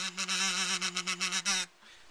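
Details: Voice tremor in an adult man with abductor spasmodic dysphonia, heard as he sustains a note on a kazoo after two days of practice at a vocal clinic; his tremor usually shows when he sustains a note.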